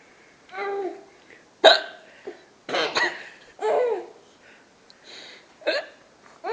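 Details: Several sharp, abrupt hiccups from the mother mixed with her young child's laughter; ordinary hiccups.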